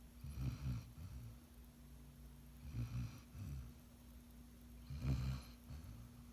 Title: Golden Retriever Puppy Snoring 😂 #shorts